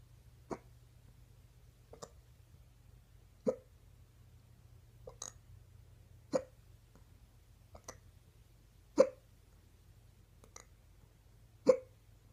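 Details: Woman's stubborn morning hiccups: sharp, abrupt catches recurring every one to three seconds, about nine in twelve seconds, over quiet room hum; hiccups.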